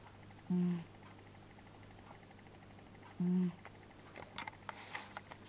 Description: if you can't hear it turn it up Oscar the Cat Snoring yes he is loud X)